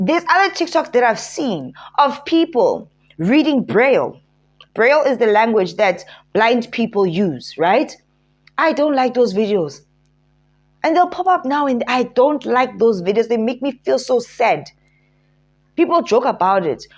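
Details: Adult woman speaking; no disorder.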